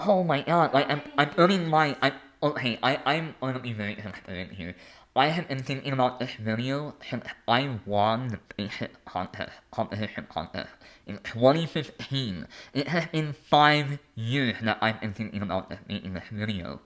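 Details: Adult male with a lifelong speech impediment.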